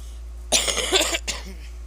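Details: Cough during a short smoking vlog: two harsh, breathy cough bursts, the first longer than the second, over a steady low room hum.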